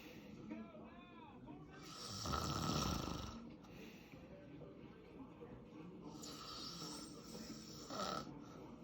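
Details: Father asleep: loud, rough snoring breaths and throaty croaking sounds, with faint room noise; snoring.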